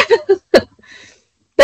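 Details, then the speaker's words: Adult woman hiccupping repeatedly while speaking on a live stream after having had the hiccups all day: several abrupt, short voiced catches with a faint breathy sound between them. "guys I am so sorry I have had the hiccups all day and I'm trying to not hiccup out loud where y'all can hear it but it's just cutting me off as I'm speaking and so I'm just gonna call it out I have the hiccups"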